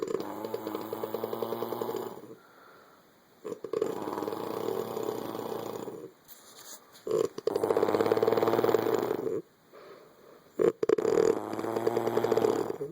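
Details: Woman snoring like a dirt bike, two sounds at once, though she denies snoring: loud rattling, buzzing snores in long bursts separated by quiet pauses, with a fluttering quality; heavy snoring.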